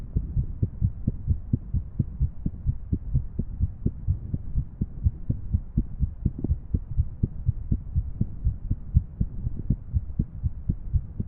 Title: Female 3D Irregular Heart Model